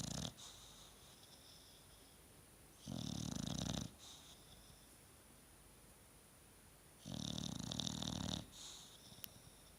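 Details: Two long, loud, rough snores with a quiet pause between, roughly every four seconds, from a sleeping dog; snoring.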